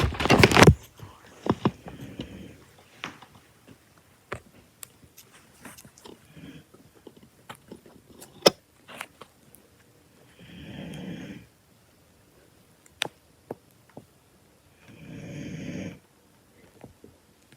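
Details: Snoring in a sleeping dog: two rough, noisy breath sounds about five seconds apart, amid frequent clicks and crackles from the iPad's background noise.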